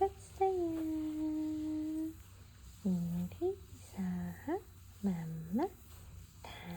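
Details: Cooing (옹알이) from a newborn baby boy just after feeding: soft, tuneful vowel sounds with rising and falling pitch, typical early infant cooing.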